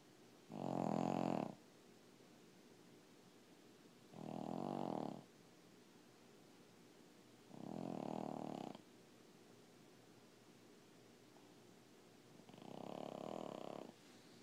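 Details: Low, rumbling snores about every four seconds, roughly 16 a minute, in a quiet room; loud snoring.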